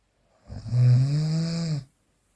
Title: The sound of snoring during sleep #2